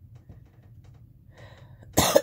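A single loud, harsh cough bursts out after a quiet pause and faint intake of breath, from an adult with laryngitis.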